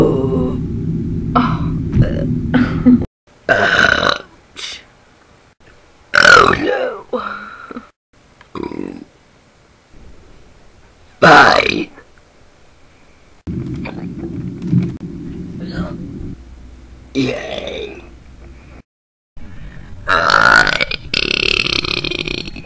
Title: One Minute Belchfest #2 (+ a few hiccups!)